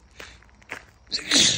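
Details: Adult walking on a woodland path with repeated sneezing: footsteps, then a single sharp, hissing sneeze burst at the end.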